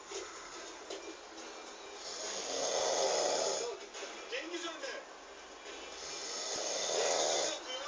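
Slow, rough, noisy breaths swelling and fading about 15 times a minute, with background hiss: snoring.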